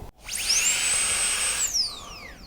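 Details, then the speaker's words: Dentalaire Prestige dental unit during setup, high-speed handpiece run for about 3 seconds using the large pad on the foot control: a high, steady whine rises quickly, holds about a second, then winds down. "you're going to want to run the hand piece for about 3 seconds using the large pad on the foot control."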